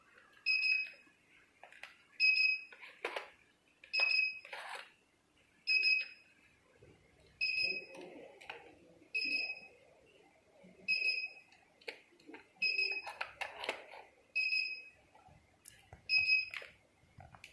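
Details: Regular short high beeps, about 34 a minute, one per shot, with faint room noise, from a 3D HIFU (LS-X3) machine demonstrated without a test on a person; HIFU firing beeps.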